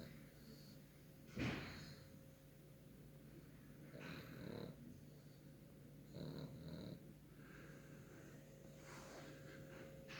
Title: PUGSLEY the PUG taking a snooze. WIGGLES and SNORES